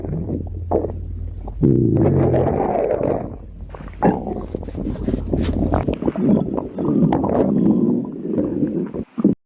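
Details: Loud, low, continuous rumbling and gurgling with creaky bubbling bursts in a 10-minute compilation; stomach growling (borborygmi), ordinary gut movement.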